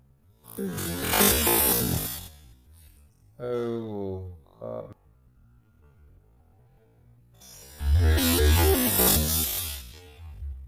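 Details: Two long, forceful snorting sneeze bursts from a Jindo-mix dog, with a brief startled human exclamation between them; owner remarks it comes from eating too much; dog sneezing.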